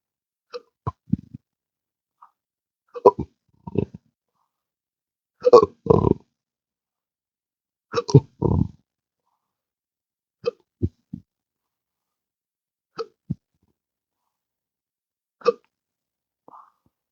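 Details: Person with intractable hiccups since December 2015 after surgery with multiple nerve damage: repeated abrupt gulping hiccups mixed with low belches, about two dozen a minute at irregular intervals.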